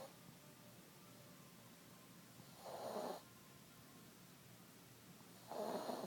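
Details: Sleeping cat with two soft snoring breaths about three seconds apart, roughly 20 a minute, in a quiet room; snoring.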